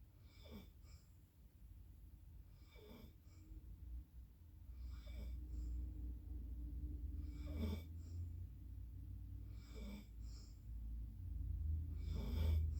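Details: Rhythmic rough snoring breaths during sleep, about every two and a half seconds (about 24 a minute), over low room hum.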